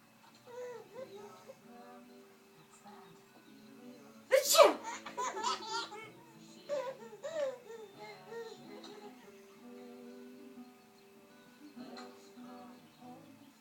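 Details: Sneezing: one sharp sneeze burst followed by a child's giggling laughter, with music playing in the background.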